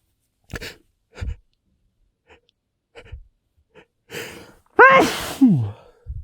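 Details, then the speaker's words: Male, catching the last of a short sneezing fit: several sharp breath catches build up to a loud sneeze, muffled into his sleeve; sneezing. "Okay. I'm gonna sneeze. I'm gonna."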